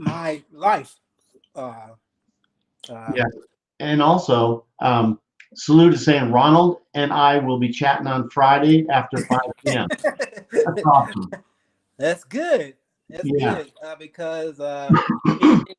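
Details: Adult male speaker; typical speech.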